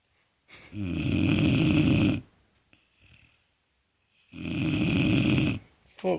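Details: Sleeping Vizsla puppy: two loud, rough, rattling breaths a few seconds apart with quiet between them; snoring.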